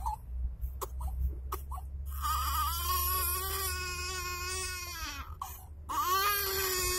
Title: My Baby Brother crying